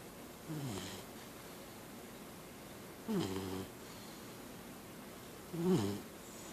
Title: Monkey snoring part 2